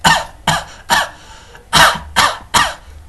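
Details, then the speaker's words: An adult imitates six harsh, seal-like barking cough bursts typical of croup, which commonly affects children aged six months to six years and is often preceded by a common cold. "you see mostly backing cough is very speculative for hope that's a nightmare bronchitis this typically affects region were between six months and six years"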